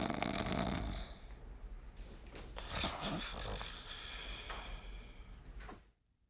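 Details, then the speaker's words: Snoring of a celebrity, one of eight celebrities' snores played in a TV game-show quiz. "今天有8位不同艺人打呼的声音，各位仔细听。"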